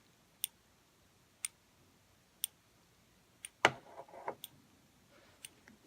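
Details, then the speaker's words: Omnipod insulin pump pod priming during a pod change: soft, sharp clicks about once a second, with brief handling noise; priming fills the tubing with insulin and normally takes about 15 to 20 seconds. "See, it's priming, so we just wait for it while it primes. And you can hear it clicking."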